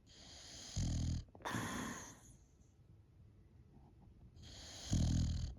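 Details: A sleeping female boxer dog gives two loud, rumbling snores with a hissing edge, separated by quiet breathing: snoring.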